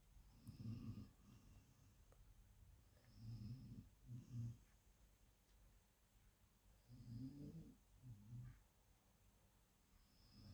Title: Alfie's snoring 2019